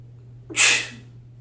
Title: I had dust sneezes